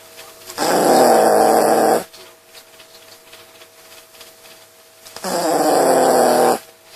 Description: 코걸면서 자는 강아자